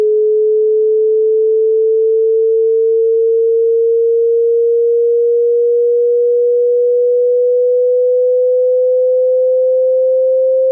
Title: hearing test